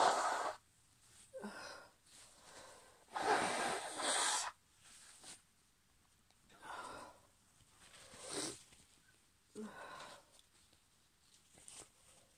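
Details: Hay fever sneezing in a female in the UK, partly induced: several explosive sneezes, some preceded by a sharp intake of breath.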